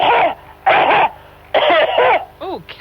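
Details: Acted, simulated coughing fit by a caller on a radio phone-in: four loud, harsh cough bursts in quick succession ending with a brief rasp.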